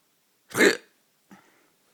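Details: Hiccup at night: single abrupt, sharp vocal catch followed by a faint short sound.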